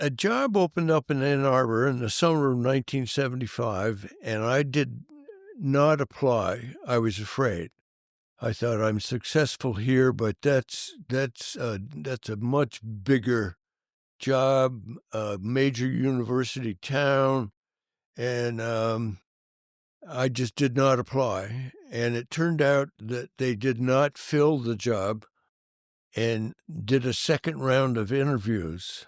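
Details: Adult man who has stuttered since early childhood, severely for many years, and still stutters as an adult; stuttering.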